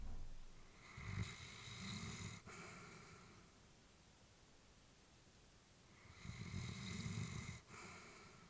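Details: Elderly female Labrador sleeping: slow, soft rattling snores on inhalation with quiet pauses, about 14 breaths a minute; ordinary sleep snoring.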